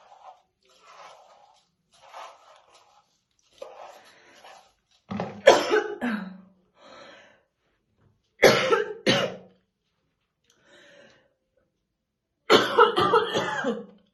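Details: Adult woman, a smoker, real unacted morning coughing fits while slowly brushing her hair: repeated deep, harsh coughs with soft throat sounds between; smoker's cough.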